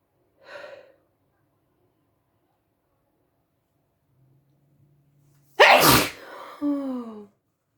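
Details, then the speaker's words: Pepper-induced sneeze: a brief intake, then one loud explosive sneeze ending in a falling voiced tail, described as incredibly messy. "wow that was incredibly messy thank you now all that peppers coming out"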